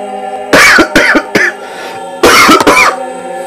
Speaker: there I got my quot of coughin why is I making that noise I have no clue